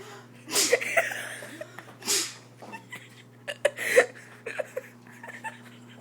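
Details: Repeated sneezing: several sharp, hissing sneeze-like bursts with quick breaths between them.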